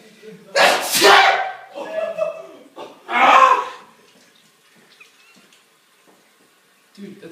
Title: Part 2 sneeze show